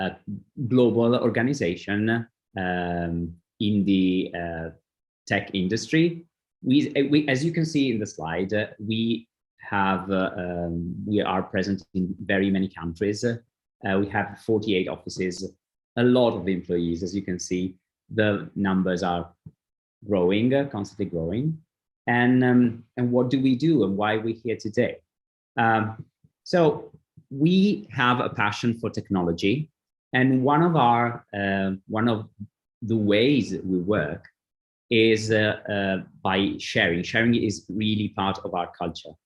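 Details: Adult man; normal speech.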